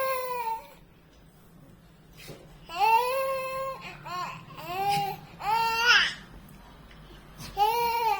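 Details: An infant daughter gives several drawn-out wailing cries with brief pauses between them in a small room: infant crying.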